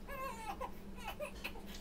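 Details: Infant on day 96 in the NICU, during a burping session: short, rising and falling wails over steady room hum, an ordinary infant cry.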